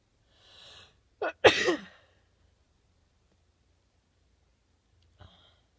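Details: Sneezing after a shower and blowing the nose beforehand: a quick in-breath, then one forceful explosive sneeze, followed by a short sniff about three seconds later.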